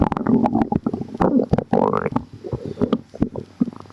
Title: some gurgles | stomach rumbling